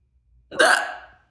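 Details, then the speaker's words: Person about eight minutes into a hiccup spell, which started after an inhale technique: a single abrupt, gulping hiccup with a brief voiced catch. "10 minutes let's see that might be a good idea cuz we're already at 8 eight minutes of hiccups that's so annoying"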